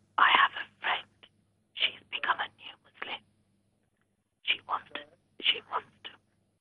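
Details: Aphonia (whispered voice) from laryngitis in an adult female caller; real speech.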